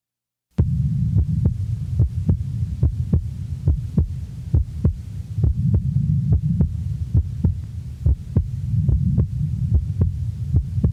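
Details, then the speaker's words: Normal individual, recorded at base left: regular heartbeat about 71 a minute with physiological splitting of the second heart sound on each inspiration, breath sounds in the background. "the recording is from base left a physiological splitting is heard with each inspiration breath sounds are heard in the background"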